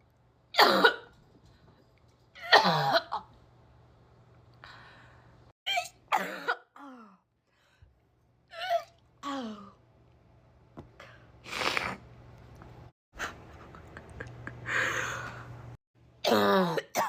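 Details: Repeated harsh coughs with retching, gagging sounds and throaty strained noises between bursts.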